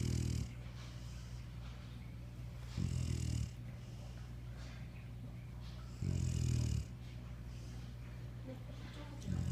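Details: Female dog asleep, snoring with loud, low rumbling snores roughly every three seconds and quiet breathing between.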